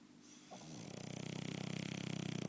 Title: Chester the French Bulldog Snoring!